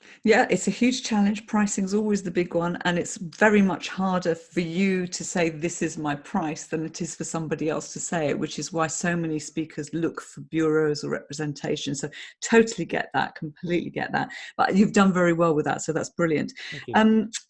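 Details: Adult speaker; normal fluent speech.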